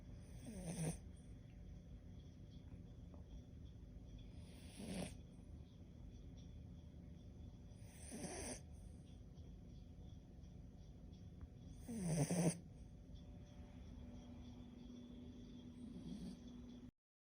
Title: Cavalian puppy snoring on my lap /膝の上でいびきをかく子犬